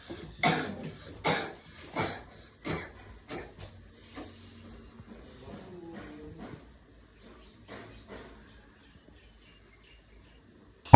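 A run of about eight imitated coughs, strong at first then fading, with faint music or tones underneath.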